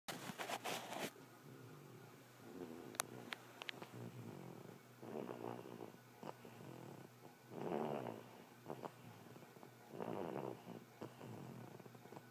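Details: Prudence, a sleeping bulldog: rattling, snuffling snores, several per half minute, with some clicks and room noise; snoring.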